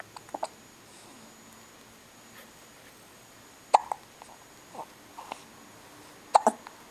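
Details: Hiccups: brief, sharp, clicking gulps recurring irregularly, some in quick pairs, in a quiet room.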